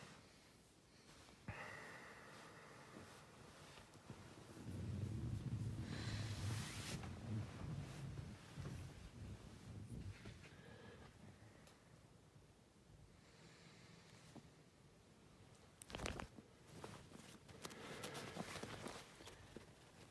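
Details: Dog coughing: a few harsh, snorting coughs separated by noisy breathing in a quiet room. She was shivering, and the owner wonders whether she is holding her breath.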